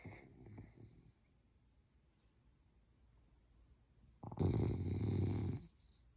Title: French bulldog snores like human 😴